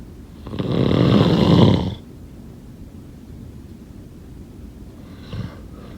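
One loud, rumbling snore on an in-breath, then quiet breathing with a faint snort starting near the end; snoring.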